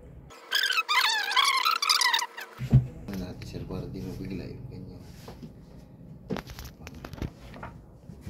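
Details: Adult man with left-sided temporomandibular joint problem, swelling and facial asymmetry, painful when eating or yawning: sharp isolated clicks as the jaw moves, temporomandibular joint clicking.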